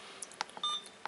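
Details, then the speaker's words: Hospira Alaris infusion pump in maintenance mode during a keypad test: several short electronic beeps as buttons are pressed to check each button's function, over quiet room hum. "It's just checking functionality of each button. Now you want to typically go through every button."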